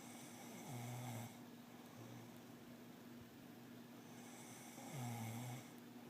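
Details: Two long, low, rattling inhaled snores about four seconds apart with quiet breathing between; snoring.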